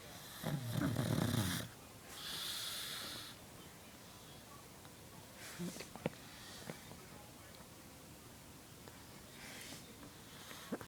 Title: Snoring pug